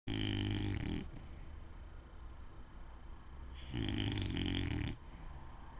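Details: English Bulldog snoring while asleep: loud, buzzing, rattling snores, two long snoring breaths with quieter gaps, typical of a flat-faced breed.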